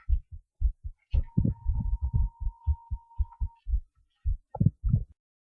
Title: heart sounds short recording